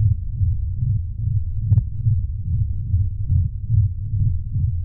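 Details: Simulated synthetic racing heartbeat imitating blood-flow noise with a pink-noise profile: fast, muffled low thumps over a steady whooshing rush, roughly 140 to 150 per minute, with slightly more high frequencies during contractions.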